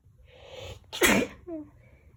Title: Powerful Sneezes